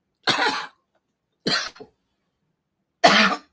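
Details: Dry cough from an adult live-streamer, who says COVID keeps affecting them.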